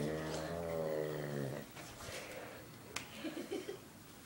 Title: My Uncle is Snoring